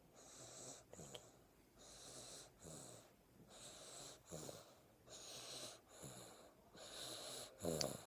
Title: CUTE SNORES